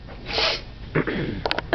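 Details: Friend's involuntary sneezing fit, with slobber on the table; he reportedly did this for about ten minutes straight earlier: rapid, snorting, sneeze-like nasal blasts with light room noise.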